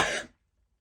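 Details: Cough from an adult woman who says she is still a bit ill, recorded while she applies face cream on a Saturday morning.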